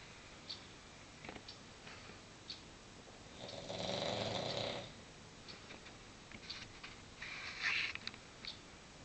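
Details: King Charles Cavalier dog snoring as usual: one drawn-out, hissing snore, with faint clicks and softer breaths on either side.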